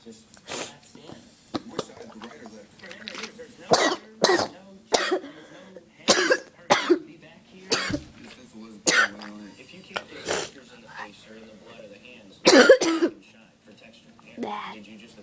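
Repeated harsh coughs, about a dozen bursts with throat clearing in between, a sustained coughing fit.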